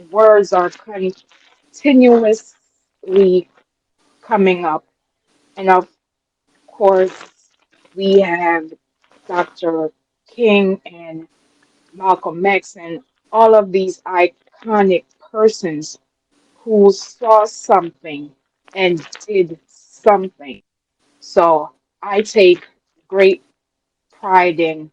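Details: Adult woman, real, self-reported speech impediment that she calls her "disability", which the host notes she works through; dysfluent speech.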